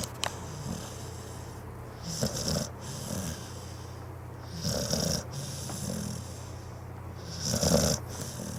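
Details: Pitbull dog sleeping: rough, snorting snores with hissy breaths between, about 21 a minute over room hum.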